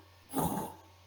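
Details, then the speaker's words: A single harsh, scratchy scraping burst like sandpaper or creaking new leather. It is superficial, heard over the precordium, most often at the base, mesocardium and apex, and generally systolic: pericardial friction rub. "Y estos son fenómenos acústicos soplantes, ásperos o rudos, comparados con el crujir del cuero nuevo o con el raspado de una lija."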